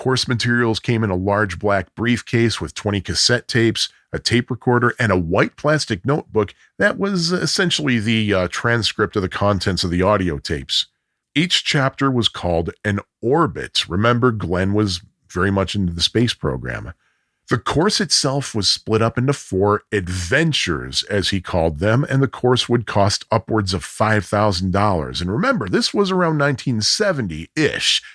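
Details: Adult male narrator; normal speech.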